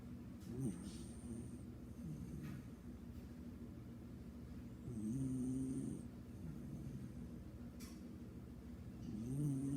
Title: Snoring beagle